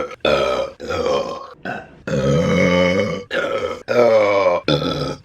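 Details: Woman burping repeatedly during mukbang eating: a run of long, loud, voiced belches, about six in five seconds, with short gaps.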